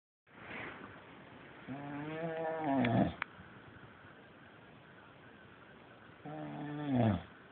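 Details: Man (the speaker's dad) snoring while fully asleep: two long, low, vibrating snores on inhalation separated by a few seconds of quiet breathing.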